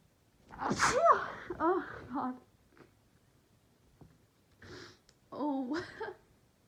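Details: Sneezing fits while sick, with sniffling and a persistent nose tickle: a breathy, gasping build-up, then a loud sneeze, then softer sniffly sounds.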